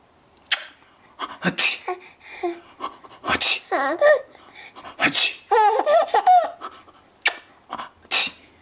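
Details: Fake (simulated) sneezes mixed with laughing and giggling: several short, sharp sneeze bursts.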